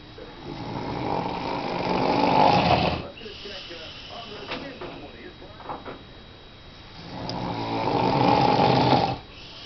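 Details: Snoring during sleep.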